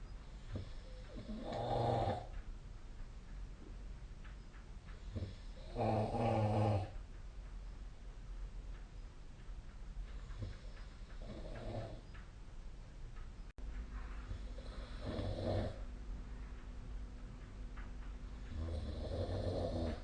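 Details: Sleep snoring: loud, rough snores with each breath in, about four in twenty seconds, over quiet room noise.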